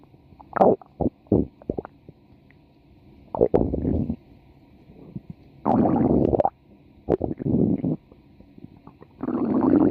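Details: Irregular gurgling and rumbling bursts of varying length between quiet gaps from a female, part of a 4-minute stomach-growling recording; ordinary stomach growling.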